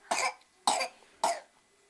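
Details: Three sharp, evenly spaced coughs from a young girl after her juice went down the wrong pipe while drinking: choking cough after aspiration.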